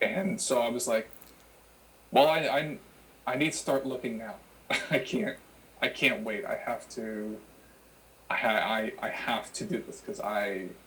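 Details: Adult who has stuttered since childhood and had childhood speech therapy; repetitions are audible; stuttering.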